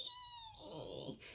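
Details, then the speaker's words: Vocal imitation of an expiratory wheeze: a musical whistling tone fading into a breathy, rough exhale, as heard with narrowed small airways in COPD. "that's sort of like what you're going to hear with an expiratory wheeze"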